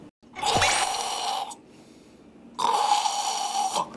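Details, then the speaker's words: Adult's imitation of throat snoring: two harsh, rattling, choked snore-like breaths from a blocked throat. "하는 목에서 나는 목이 막힌 소리 이건 목걸이라고 하거든요"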